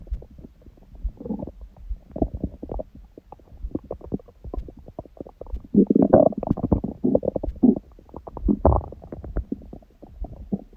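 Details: Own belly after eating and after abdominal exercise; the first meal was a large one at 16:00 after water-only fasting since 19:00 the previous day, on a raw-food diet. Frequent gurgles, squelches and rumbles, louder midway: active normal bowel sounds.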